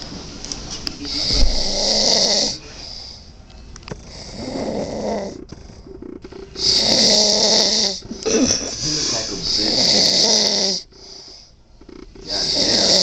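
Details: Sleeping subject snoring "like a monster": loud, harsh rattling breaths in long bursts with quiet gaps, about 11 a minute; snoring.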